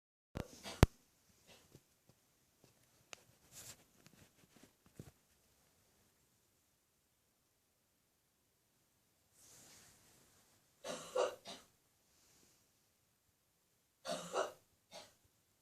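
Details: Adult woman's morning cough in the bathroom: two brief, muffled cough bursts in a quiet small room after scattered faint clicks.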